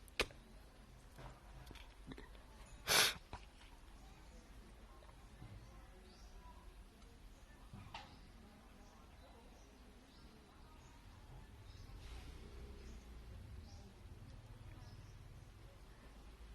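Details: Woman sneezing in her hotel room: one brief, sharp sneeze-like burst over steady room hiss, with faint small sounds around it; sneezing.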